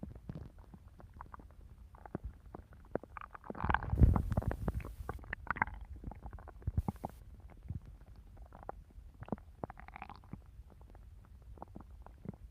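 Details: Stomach growling (borborygmi) in a person eager to eat a cookie: low gurgles and bubbling rumbles from the belly with one louder growl, normal bowel sounds, likely from hunger.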